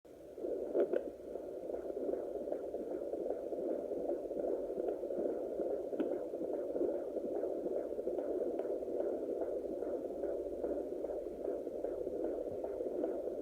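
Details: Normal fetal heartbeat (a son) on a pocket fetal Doppler at 24 weeks 3 days (25th week) of pregnancy: rapid, regular, galloping whooshes through a steady Doppler hiss.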